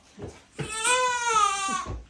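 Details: Newborn girl delivered by C-section, at her first chiropractic adjustment and checked for hip dysplasia, being flipped over; a short whimper, then one sustained, clear, high-pitched wail: ordinary infant cry.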